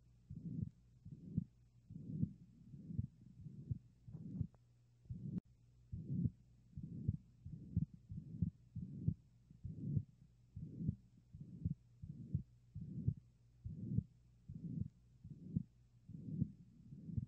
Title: 🫀🔊🩺VSD - ABNORMAL HEART SOUND & STETHOSCOPE PART(USE EAR PHONES FOR BEST SOUND & SEE DESCRIPTION)🔊👂🏼